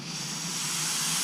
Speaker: we've got our suctions here so this is your B all without a suction it's a bit tricky to do your job so we've got our high-speed suction need to click him on